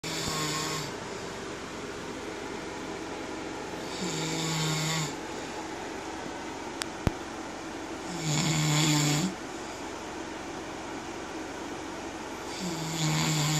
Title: Snoring hubby 😴😴😴